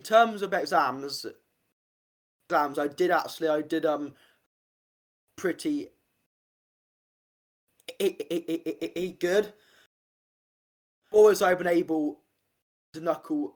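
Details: Adult man, stammer since about age five; stuttering.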